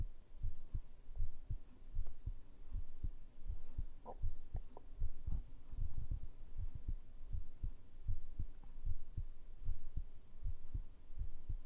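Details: ASMR heartbeat recording, tagged binaural microphone: steady, muffled low thumping heartbeat around 78 beats a minute with a low background hum; regular normal heartbeat.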